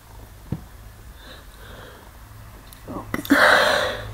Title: Hiding in a closet (muffled sneezes)